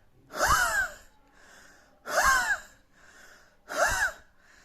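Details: Gasping shown among cough-type sounds for homeopathic prescribing: three sharp, noisy gasping breaths with a whistling, rising tone, each followed by a softer breath.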